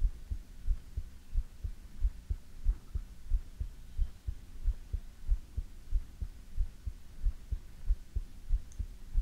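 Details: Steady, regular heartbeat at about 92 beats a minute over a soft low hum, from an ASMR heartbeat recording; normal heartbeat.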